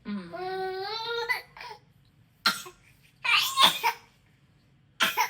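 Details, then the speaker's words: A baby's voiced cry-like sound, then several short, forced cough bursts: the baby boy's playful fake cough, not a real one. "ഈ കണ്ടത് ശരിക്കുള്ള ചുമയല്ല കേട്ടോ, അത് അവൻ്റെ fake ചുമയാണ്."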